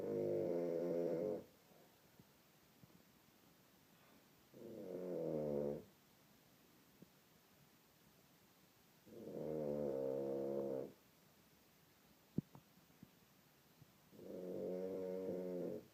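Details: Father snoring heavily while asleep in a hotel room: loud, rough, voiced snores on each breath in, about 12 a minute, with quiet pauses between them.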